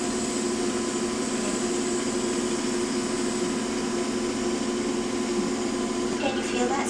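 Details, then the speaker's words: A steady droning motor hum with faint rapid pulsing as a lipo-cryo cold vacuum transducer, applied with cooling gel, treats fat on a patient's arm. "so the transducer will be applied onto the arm and the area of concern will be treated under a vacuum so she will initially feel a tight squeezing sensation"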